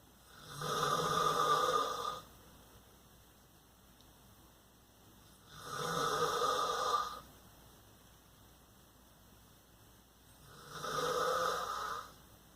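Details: Adult man (father) snoring while asleep at night: steady buzzing snores about 12 a minute, each over a second long with quiet pauses between; ordinary snoring.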